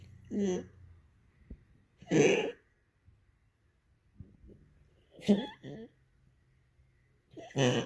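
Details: Four short, harsh coughing bursts a few seconds apart in a quiet room, recorded for Dr. Olsen; the coughing has become much more frequent.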